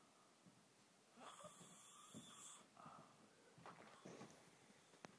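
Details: Person snoring: a whistling, raspy inhaled snore followed by softer breathy rattles, noisy snoring with a high-pitched, wheezy edge.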